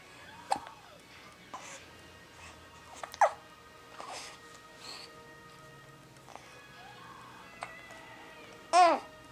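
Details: Infant hiccups: brief, sharp hiccup sounds every few seconds between soft babbling, with faint steady tones in the background.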